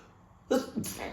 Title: Cold Sneezing Fit